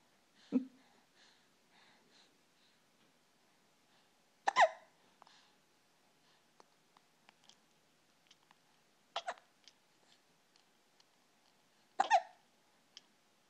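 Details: Young girl with recurrent hiccups: four sharp, brief hiccups a few seconds apart, in a quiet room.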